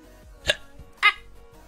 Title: 3 hiccups